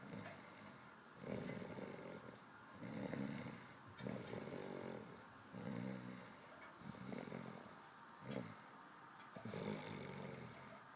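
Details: Steady rhythmic snoring, a rough noisy rattle on each breath, about six breaths in eleven seconds (roughly 33 a minute), over faint room noise.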